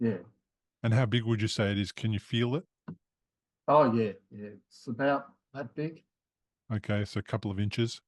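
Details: Adult male speech, conversational; normal speech.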